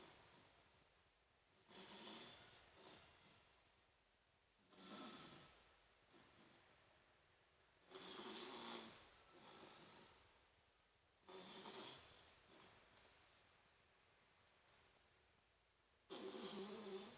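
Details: Five rough, noisy breaths at irregular intervals, about 19 a minute, with quiet gaps between, recorded on an Android phone; snoring.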